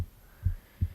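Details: Own heartbeat recorded at the left side of the chest while reading a book aloud: deep, soft thumps of a heartbeat over a brief stretch; normal heart sounds.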